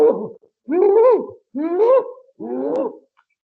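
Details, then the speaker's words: In a lecture on pertussis, an adult imitates the high, crowing inspiratory whoop a child makes when inhaling through a narrowed airway after a coughing bout; imitated whooping cough whoop. "this is the kind of noise the child makes. And that is why it is called as a whooping cough."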